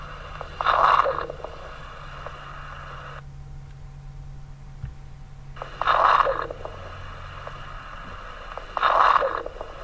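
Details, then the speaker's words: Teaching recording of brief bursts of fine, popping, explosive, non-musical crackles with each breath in, about 20 breaths a minute, likened to quickly squeezing a plastic bottle. Fine crackles. "e aí o instrutor é esse som chamado explosivo não não musical que lembra quando a gente aperta uma garrafa pet assim rapidinho né"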